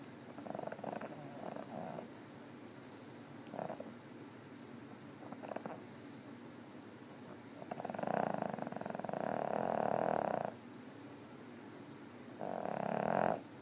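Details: Snoring recorded 8/18/2013: rough, fluttering breath sounds, brief at first then longer and louder, from a sleeping cat; purr-like snoring.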